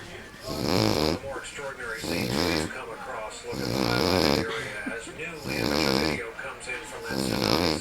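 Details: Loud, rough, voiced snoring from a sleeping uncle, repeating every second or two in an uneven rhythm with some background noise.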